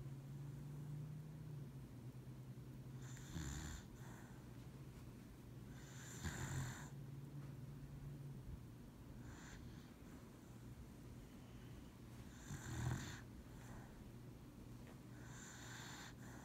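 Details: Dog napping on the owner's lap, possibly dreaming: soft, irregular snoring breaths, roughly 10 a minute, over a steady low hum. Ordinary snoring during sleep.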